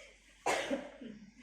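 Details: Cough-technique demonstration for clearing lower-airway secretions: the patient is told to cough deliberately twice. A single sharp cough with a brief rough tail.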